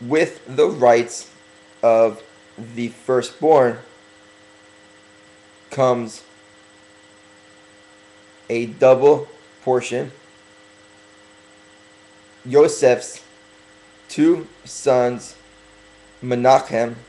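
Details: Stuttering in a male speaker who is working on his stuttering and deliberately talking slower to correct it.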